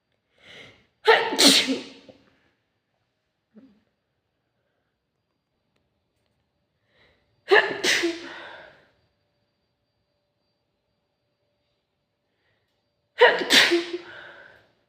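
Three separate sneezes, each with a brief in-breath before a sharp explosive burst, spaced several seconds apart in a quiet room.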